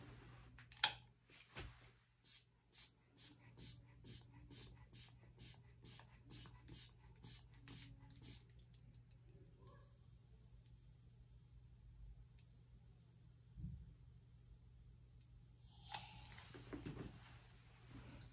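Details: Manual blood pressure by auscultation on arm over brachial artery, nursing skills demonstration (second reading after one-minute wait); about fourteen hand-bulb pumps inflate cuff, then steady hiss of slow deflation; diastolic 88, called normal.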